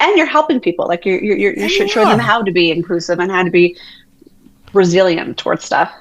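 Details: Adult woman who has stuttered her entire life and had speech therapy for stuttering. Finding: stuttering.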